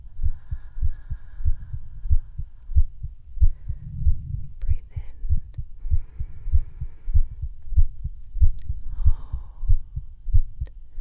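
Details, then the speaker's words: Real heartbeat heard through a stethoscope in an ASMR medical exam: steady, soft, low heart thumps at about 94 per minute, with faint breath sounds and light handling noise over the chest piece: normal heartbeat. "We're going to do some stuff with the stethoscope. So, I'm going to listen to your heart."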